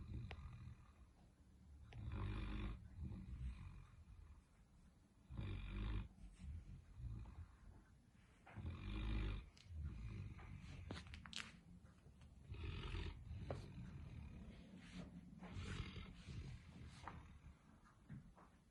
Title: Bentley is snoring like a man!